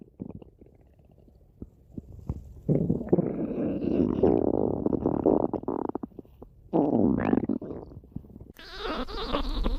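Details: Long gurgling, rumbling bursts with bubbly, squeaky stretches and quiet gaps, from a person's stomach growling; borborygmi.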